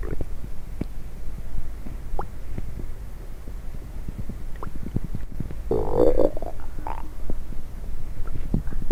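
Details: Low gurgling rumbles with frequent short pops and clicks and a louder bubbling gurgle midway, after drinking coffee and diet coke; borborygmi (stomach rumbling).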